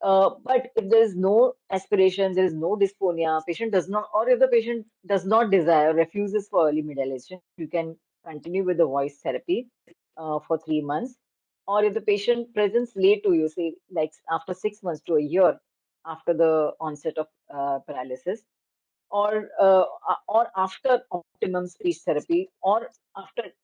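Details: Adult woman speaking; Normal voice.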